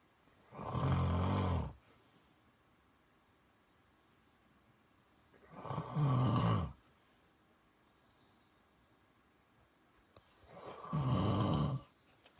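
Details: Regular heavy snoring during sleep, keeping a listener awake: three loud, rattling snores on the in-breaths, about 12 a minute, with quiet breathing out between them.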